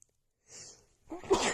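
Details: Woman producing loud, strong sneezes into a handkerchief: a brief indrawn breath, then a single muffled explosive sneeze.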